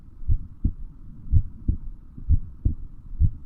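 Steady, regular low thumps of a heartbeat at about 62 beats a minute, with a faint hum underneath.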